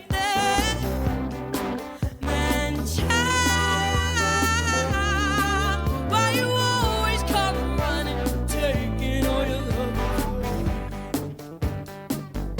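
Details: Female singer's hoarse, unstable singing voice, tone going in and out with grit and crackle, judged physiological from within the vocal fold, with vocal fatigue as voice tires; vocal fold polyp.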